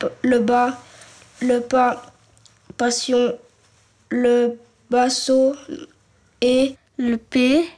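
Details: French-speaking child who stutters, in a real documentary about a teenager and two children who stutter; the child says stuttering occurs during oral questioning at the board in class; stuttering.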